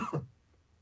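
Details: Simulated: a single short, low, throaty cough from an adult man, acted in a tuberculosis awareness dramatization of a grandfather's cough lasting three weeks.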